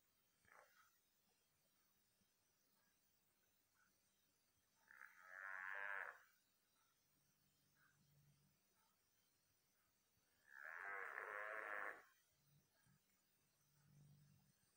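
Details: Snoring in a dog sleeping soundly: two long, rough, rattling breath sounds about six seconds apart over a quiet background.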